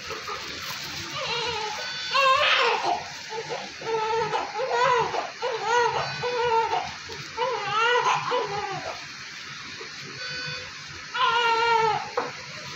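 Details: Newborn male delivered by LSCS with a low Apgar score, later admitted to NICU for RDS and grunting with poor SpO2. Thin, rhythmic cry of modest strength under room noise and music during cleaning: a weak newborn cry.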